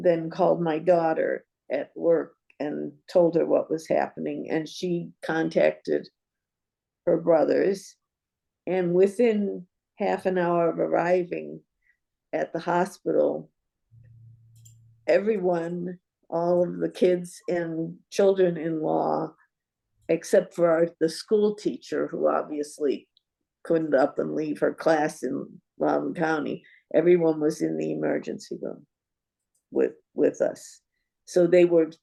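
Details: Adult woman speaking; normal speech.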